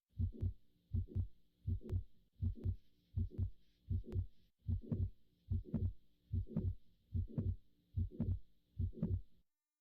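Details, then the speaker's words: Mitral valve prolapse: regular heart sounds near 80 a minute. The first few beats are S1 and S2 with a mitral regurgitation systolic murmur, then a midsystolic click joins after several beats. "The first few beats are just going to be S1 and S2 with the murmur of mitral regurgitation, and then after a few beats, you'll hear the click added in."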